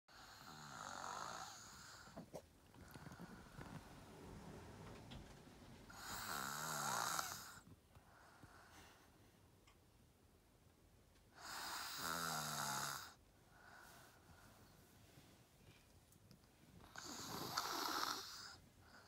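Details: Snoring in a sleeping 6-year-old child: loud, rasping, buzzy breaths in a quiet room, about 11 breaths a minute.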